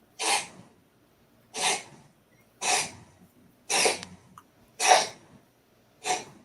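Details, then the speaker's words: Female pet cat coughing occasionally, heard at a distance as six short, harsh, hissing bursts about a second apart. "is that noise that's my cat coughing [Laughter] she does that once in a while"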